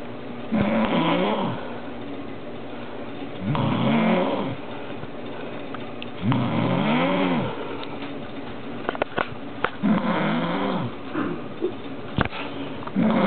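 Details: Woman snoring like an animal: loud, rattling snores on each in-breath, about 20 a minute, with quiet gaps between; snoring.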